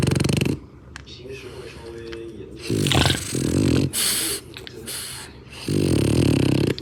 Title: Bulldog and Parrot Friendship While bulldog snoring #cuteanimal #bulldog #parrot